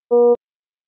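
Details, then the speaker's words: Efficia DFM100 monitor/defibrillator low-priority alarm, for a device problem or non-life-threatening condition such as an SpO2 non-pulsatile message: a single short, steady electronic beep; low priority alarm tone. "priority alarms indicate a device problem or non life-threatening condition such as this spo2 non-pulsatile message and they appear in this cyan background and sounds like this or this"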